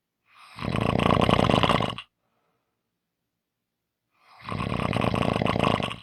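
Two loud, rattling snores on breathing in, separated by a quiet gap during breathing out.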